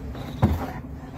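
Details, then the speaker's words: Ruminal gas escaping through a stomach tube passed to deflate a bloated (tympany) weaned calf. "vamos a proceder mi gente a utilizar la Sonda para desinflar con mucho cuidado tiene que ser con mucha precaución mi gente hay que hacerlo con mucho cuidado tal vez se alcancen a escuchar cómo sale el gas"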